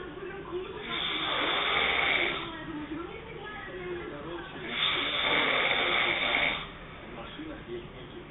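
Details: An adult woman (girlfriend) snoring hard during sleep: two long, rough, hissing breath sounds several seconds apart, with quieter breathing between.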